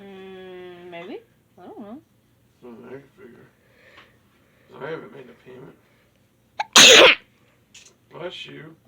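One loud, explosive sneeze with a sharp inward breath just before it, among quiet talk in a small room.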